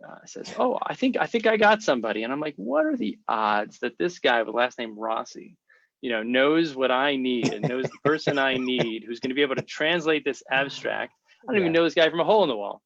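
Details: Adult man speaking; normal speech.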